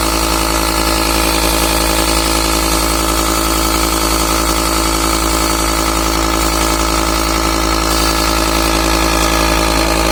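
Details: Discarded mini compressor nebulizer, repaired by tightening its screws, now running normally: steady loud buzzing motor hum with rapid even vibration, nebulizer compressor running.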